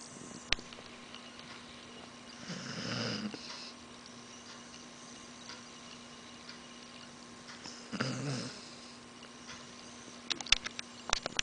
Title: cute girl dog snores